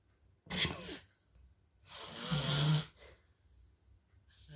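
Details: Heavy snoring during sleep, called "level 3" and very disturbing: two loud, rough, rattling breath sounds separated by quiet pauses.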